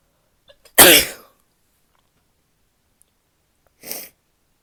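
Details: Female sneezing, in a recording that also has coughs and nose blowing toward the end: one sharp, explosive sneeze, then a softer sneeze about three seconds later.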